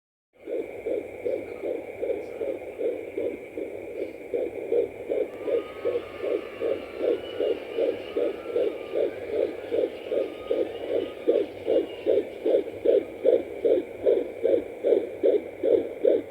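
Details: Home fetal Doppler at 14 weeks 5 days of pregnancy: rapid, regular whooshing fetal heartbeat at about 150 to 155 beats per minute.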